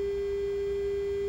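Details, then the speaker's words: Steady pure mid-pitched tone sounding until the test finishes: an Omnisense 8000S ultrasound bone sonometer running a measurement cycle on a calibration phantom, started by foot pedal. "you'll hear that audible sound until the test is finished"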